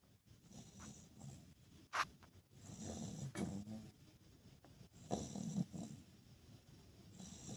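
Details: A sleeping puppy: soft, irregular snuffling snores with occasional snorts in a quiet room; puppy snoring.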